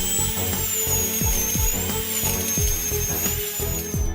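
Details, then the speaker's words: Dental implant drill: high, steady whine under background music as a small 8 mm bit at raised speed starts drilling into hard alveolar bone for an implant. "At the beginning of drilling, a small drill bit of 8 mm should be selected. In order to penetrate the hard alveolar bone The doctor turned up the drill speed Everything is ready The drilling began."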